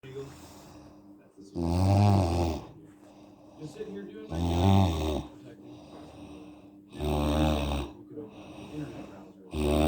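Loud, deep vibrating snores on each breath in, roughly every two and a half seconds, with quieter breathing between, from a sleeping adult.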